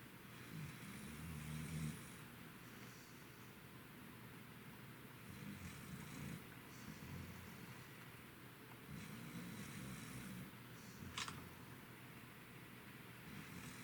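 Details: Thai Ridgeback dog asleep: soft, low rumbling snores with each breath over steady room noise; ordinary snoring.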